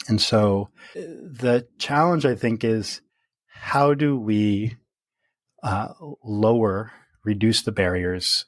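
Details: Stuttering in an adult man who stutters, speaking naturally in conversation.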